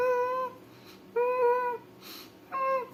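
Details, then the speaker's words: Baby (bronchiolitis, mostly under 6 months) with laboured, rapid breathing: high steady whistling on each exhalation, about 50 breaths a minute, audible by ear on the chest or needing a stethoscope: expiratory wheeze. "quando você encosta o ouvido no tórax do bebê você ouve esse ruídozinho como se fosse um apito Pode ser audível né só no ouvido ou às vezes precisar do estetoscópio do médico lá para ser audível"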